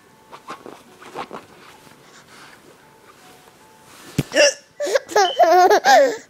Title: Hiccups are funny when mom and daughter have them together